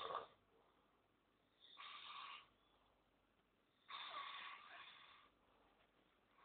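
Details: Loud, rough, rasping snores repeating about every two seconds, each a harsh grinding rattle, likened to a bulldozer going uphill; heavy snoring.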